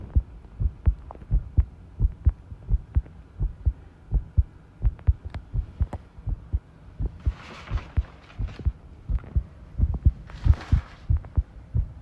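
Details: Heart sounds recorded while the person tidies a room, ASMR, stated to include arrhythmia; heartbeat around 85 a minute with uneven spacing between some beats, rustling handling noise. Heart sounds with arrhythmia.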